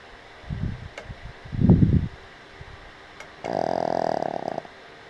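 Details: Boston Terrier snoring while asleep on a picnic table: two low rumbling snores, then a longer buzzing, vibrating breath sound.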